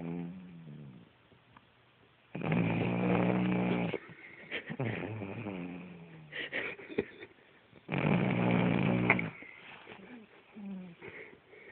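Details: Sleeping Cavalier King Charles Spaniel: two long, loud buzzing snores on the in-breath, about ten breaths a minute, with quiet breathing between; snoring.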